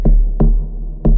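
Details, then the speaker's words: Fetal heartbeat on a handheld Doppler with gel on the probe, placed over the firm area of the baby's back on the mother's abdomen. Rhythmic whooshing thumps confirm correct position after a feeble signal elsewhere. "इसका मतलब position correct है। Heart बबीट i15 यानी foetal Doppler check."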